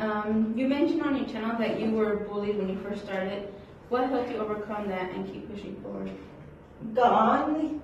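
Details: Adult woman; typical speech.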